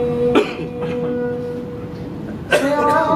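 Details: Worshippers coughing and clearing their throats during an imam's maghrib prayer recitation at a hotel in Misfalah, Mecca; brief coughs over sustained chanting in a reverberant hall.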